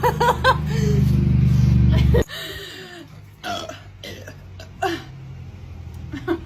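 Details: A woman's long, loud, low deliberate burp lasting about two seconds, then softer throat sounds and short bursts with quiet room noise; burping.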